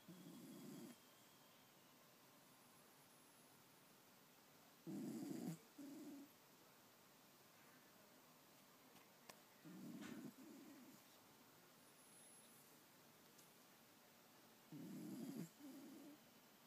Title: Dunkin Snoring